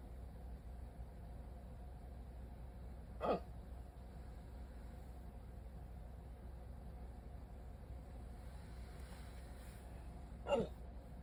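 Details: Rare 14-minute hiccup attack after waking from sleep with a CPAP mask: two short, abrupt catches in the breath about seven seconds apart over a low steady hum; hiccups.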